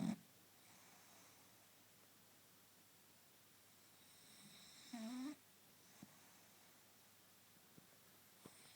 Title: My snoring French Bulldog!